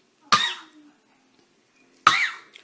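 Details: 3-year-old girl, trying to sneeze, coughs: two short, explosive cough bursts about two seconds apart in a quiet room; plain coughing.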